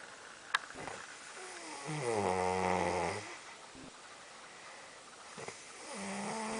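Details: Long, low, buzzing snore on the in-breath, with a second starting, from a sleeping dog over steady room hiss: snoring.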